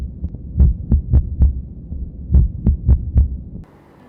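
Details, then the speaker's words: Heart sounds grouped in close pairs, each sinus beat followed by a premature beat, with longer pauses between pairs: ventricular bigeminy. "the biodomino base refers to arizona speech is followed by a premature beat continuously"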